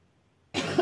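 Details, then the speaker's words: A single strong, wet cough from a woman who woke with crackles in her chest needing to be cleared. She reports a severe cough with sputum, sometimes lasting hours. A productive cough. "проснулась от того что снова у меня тут хрипы ими надо было откашляться"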